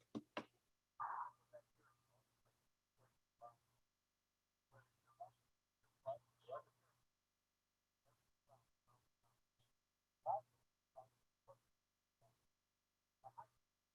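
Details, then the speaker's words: Simulated moderate hearing loss with background noise: faint, muffled speech fragments over a low steady hum. "so this is moderate hearing loss with background"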